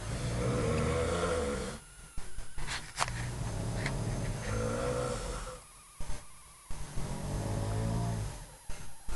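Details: Parents snoring loudly at night while asleep; snoring.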